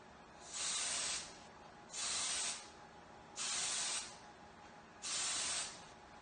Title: Vapocoolant